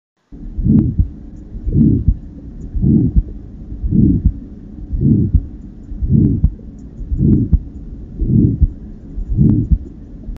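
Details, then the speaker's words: 62-year-old man with exertional syncope: on auscultation, a regular heartbeat near 55 per minute with a harsh crescendo-decrescendo ejection systolic murmur after each first sound, most likely aortic stenosis, to be confirmed by echocardiography. "this is ejection systolic murmur most likely due to aortic stenosis other physical findings and ultimately echocardiography will confirm it"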